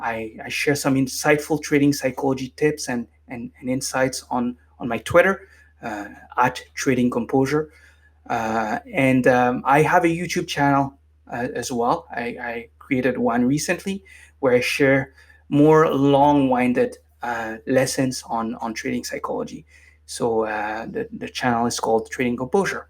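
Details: Adult man with lifelong stuttering, formerly unable to form a coherent sentence without repeatedly stumbling, now managed with meditation so it is barely audible; stuttering (mild).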